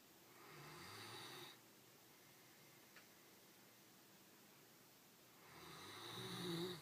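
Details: Two long, rasping snores separated by a quiet exhalation pause from a sleeping Great Dane; ordinary snoring.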